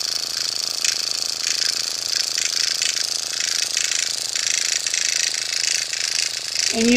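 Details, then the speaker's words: Fast buzzing, rattling whir of an automated microneedling pen in small circles under a 50-plus woman's eyes, skin held taut, painless; to be repeated every six weeks per her dermatologist. "this intense Terminator machine every four to six weeks actually my dermatologist said every six weeks so that's what I'm going to do"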